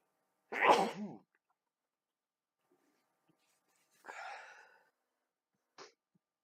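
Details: Single loud, explosive sneeze, then a softer breathy sound and a brief sniff in a quiet room, from a person sneezy all day who doesn't think they are sick or allergic.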